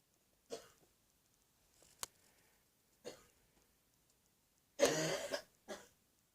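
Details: An adult woman with a coughing virus, recorded candidly in the bathroom in the morning, gives about four short, harsh coughs, one louder and longer; viral illness cough.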